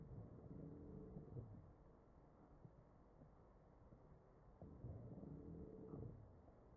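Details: Wheezing over the chest of a real ventilated patient, recorded with an AccurSound electronic stethoscope: two ventilator breaths with musical, low-pitched wheezes over a rumbling background, suggesting narrowed airways.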